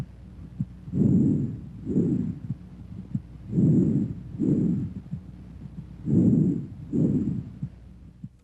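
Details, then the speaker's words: Normal bronchovesicular breath sounds in a healthy patient: three medium-pitched cycles at about 22 a minute, with inspiration and expiration about equal in length. "bronchovisicular sounds have an intermediate pitch and intensity inspiratory and expiratory sounds are about equal in duration and a silent gap may or may not separate them"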